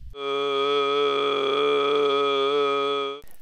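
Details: Diplophonia (polyphonia): two non-harmonic pitches heard at once. Stroboscopy cannot track both pitches, so the vocal cords appear to flutter.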